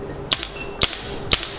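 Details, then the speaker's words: Shockwave therapy applicator held on the subject's own leg: three sharp snapping single shots, each with a faint echoing rattle. "I can't feel much it's not really strong but if I change the frequency"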